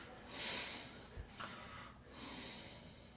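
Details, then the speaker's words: Demonstration of a snoring man with obstructive sleep apnea and witnessed apnea: noisy airy breaths, a short snort, then a silent pause with no breathing before breathing noise resumes. "when he stops breathing okay stop reading everybody when he stops breathing you can recognize how your heart is beginning to race how your blood pressure is rising"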